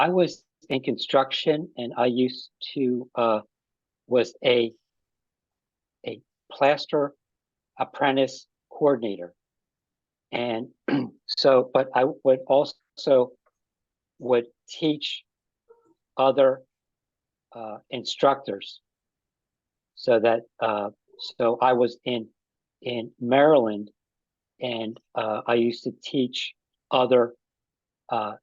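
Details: Man with aphasia after an ischemic stroke that occurred together with a heart attack about five and a half years earlier; aphasia is his main post-stroke challenge.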